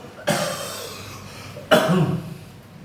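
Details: Cough in an adult receiving massage therapy, with chest pain, coughing reported for about five months: two loud, harsh coughs about a second and a half apart with faint room noise.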